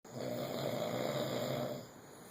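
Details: One long, rough, rumbling snore lasting nearly two seconds during sleep; snoring.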